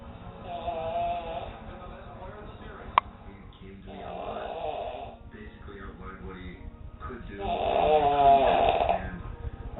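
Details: Man, a habitual loud snorer, snoring on the couch: loud, rough, rattling snores on each in-breath with quieter breathing between, faint music and TV behind; ordinary loud snoring.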